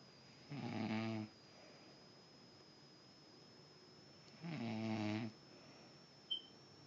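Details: Mother snoring during sleep: two buzzing, rattling snores about four seconds apart, roughly 15 breaths a minute, in a quiet room; ordinary snoring.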